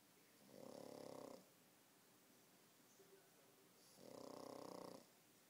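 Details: Pug snoring after a tough day at the dog park: two rattling, fluttering inspiratory snores about 3 seconds apart in a quiet room.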